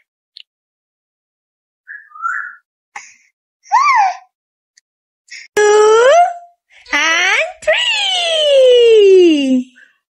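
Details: After a few brief fussy sounds, a baby girl breaks into loud, tonal crying wails that fall in pitch.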